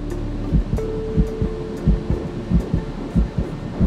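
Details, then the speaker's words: Early fetal heartbeat on a control ultrasound after IVF, twin pregnancy, first embryo's sac: rapid, regular whooshing thumps, judged to be doing very well, a normal finding. "on va voir avec un cœur qui bat dans le premier sac ça c'est vous l'entendez comme il va bien très bien"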